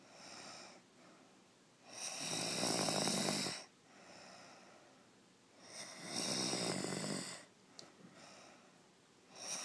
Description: Great Video of my wife just sawing logs, snoring very loud was able to catch her and film her, the greatest part she doesn't know I did, Surprise